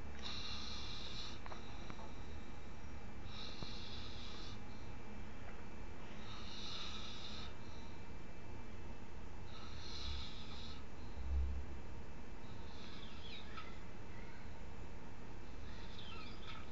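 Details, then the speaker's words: About five noisy, rattling breaths over steady hum from a sleeping young man in the morning; loud snoring that sometimes wakes him. "Este es un helicóptero. Un helicóptero a punto de desvielarse. No más qué intensidad."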